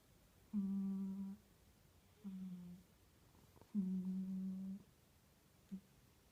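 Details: Sleeping female cat lying on a suitcase, snoring: soft, steady humming tones in regular bursts about every 1.5–2 seconds in a quiet room.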